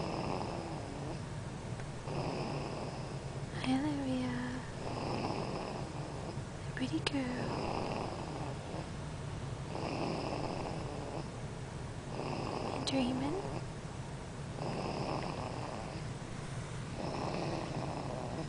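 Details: Loud, rough snoring from a sleeping infant girl, about 26 breaths a minute, each noisy breath clearly audible, with a few faint squeaky sounds between; snoring.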